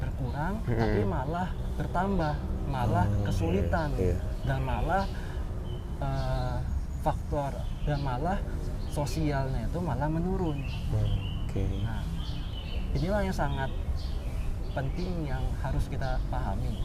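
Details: Stuttering since childhood in a young adult man, a newly graduated doctor.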